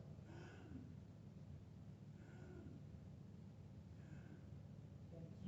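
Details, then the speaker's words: Imitated agonal breathing in a first-aid class: a few brief, snorting gasps separated by pauses over low room noise; described as a non-breathing dying person's attempt to breathe, signaling need for CPR. "So when you hear this sound, that's called agonal breathing. He's not breathing. Trying to breathe, exactly."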